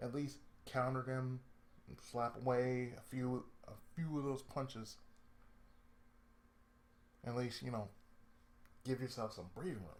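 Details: Adult male with lifelong cerebral palsy and speech difficulty since childhood: speech affected by cerebral palsy.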